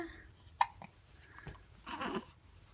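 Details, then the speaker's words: Infant hiccups: a sharp, brief hiccup sound against quiet room noise, followed by soft happy baby vocalizing. "you doing hi you're so happy happy and hiccup e3 get dressed hmm let's get dressed by"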